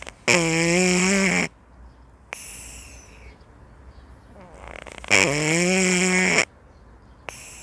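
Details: Snoring from a cat napping leisurely.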